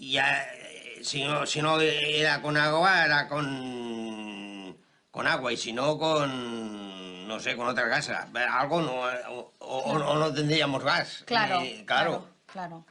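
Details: Man with conduction aphasia caused by a cerebral hemorrhage, after seven years of physical and communicative rehabilitation; difficulty finding some names and structuring long sentences. Finding: conduction aphasia.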